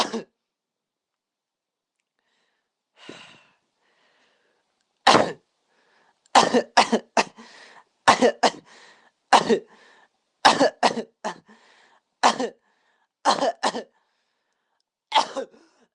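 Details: Child coughing: about fifteen short coughs, mostly in quick clusters of two or three with quiet gaps between.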